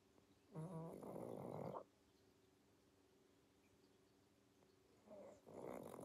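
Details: Sleeping pug: two loud rattling, snorting snores separated by quiet breathing, noisy upper-airway breathing during sleep; snoring with snorts.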